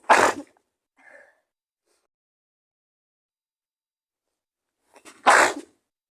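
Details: Acted sneezing in a roleplay by a woman who says she is sick with a fever: two sharp, breathy sneezes several seconds apart with a soft intake of breath between; sneeze.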